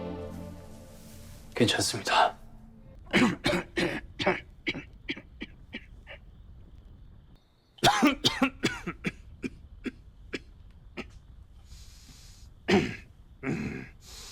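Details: Adult male actor's acted, repeated coughing fits in a film role, soft music underneath; cough.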